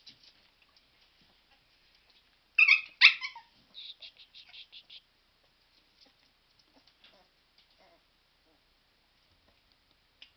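A dog gives two sharp, harsh coughs followed by a quick run of softer hacking sounds.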